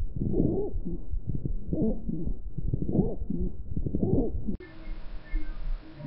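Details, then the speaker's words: Rales (estertores), adventitious lung sounds: low, rumbling, bubbling, intermittent sounds recurring over and superimposed on normal breath sounds. "Asimismo se pueden distinguir otros ruidos adventicios que se superponen a los ruidos normales y son los estertores que se escuchan disfónico e intermitentes"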